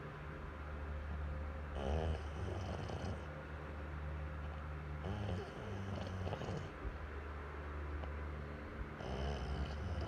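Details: Rough snoring on each breath in, roughly every three to four seconds, over a steady low hum of background noise; snoring.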